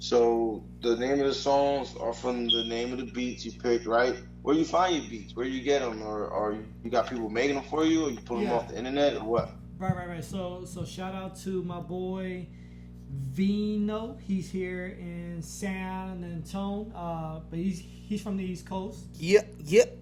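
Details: Man who has stuttered since growing up, much worse after blast-wave brain injury during military deployment; he stutters in conversation but not when rapping; stuttering.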